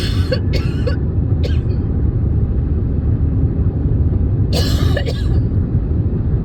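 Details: Adult with a mild cough from seasonal weather change, not otherwise sick: about five short dry cough bursts, three early and two later, over a steady low engine rumble.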